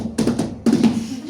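Vocal imitation of a gallop rhythm: quick accented beats like hoofbeats, an abnormal extra heart sound.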